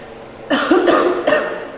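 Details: Two short, harsh coughs close together from a girl while vaping, who says the vapor is strong and gets stuck in her throat; cough.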